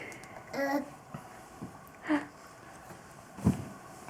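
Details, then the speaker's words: Adult father with hiccups while his baby laughs: three short voiced catches in the throat about 1.5 seconds apart in a quiet room. "what are you doing dad's got the hiccups oh"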